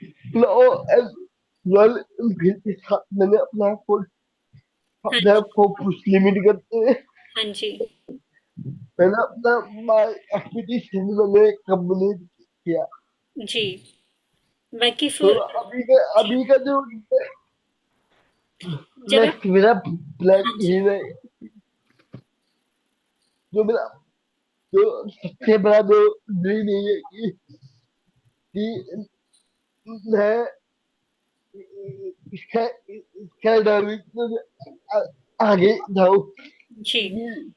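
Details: Young adult man with cerebral palsy since age 2; could not speak as a child and still needs double effort to speak, cannot say things clearly; dysarthria (cerebral palsy).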